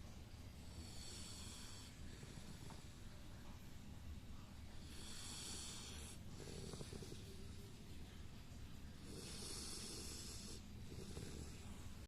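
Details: Labrador dog in deep sleep snoring, rhythmic raspy snores about every four seconds, roughly 15 breaths a minute, over a steady low rumble.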